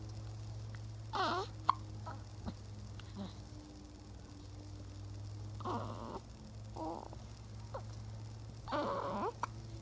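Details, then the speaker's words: Newborn baby with hiccups, mother had tried nursing to stop them: brief, abrupt little vocal catches repeating every few seconds over a steady background hum; hiccups. "Do you have hiccups? That's why I was just trying to get you to nurse so the hiccups would go away."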